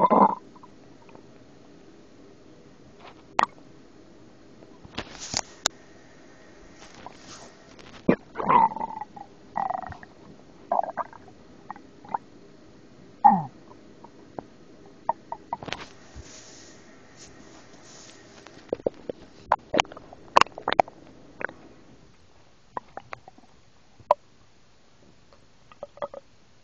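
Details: After eating and swallowing hard candies whole, irregular gurgles, squelches and brief rumbles from the abdomen over a quiet background: ordinary stomach growling (borborygmi).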